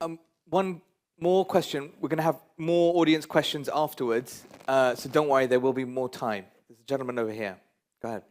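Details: Adult male speaker; normal voice.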